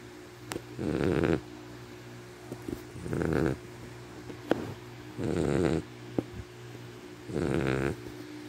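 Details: Four loud, rattling snores on each inhalation, about 28 a minute, with quieter exhalations between, from Sharphie while asleep; snoring.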